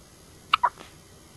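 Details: Child has a single sharp, abrupt hiccup in a quiet room: hiccup.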